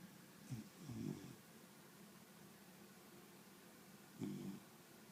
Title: snoring